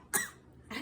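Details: A single short, sharp infant cough brought on by excitement while being tickled during play, then the start of another sound.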